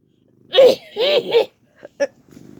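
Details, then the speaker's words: A person's loud exclamation, then two brief soft sneezes from a cat sitting on its owner's bed; cat sneezing. "oh do you just sneeze on me this you have a covet oh my god no get out of here oh my god why you sneezed are you sick"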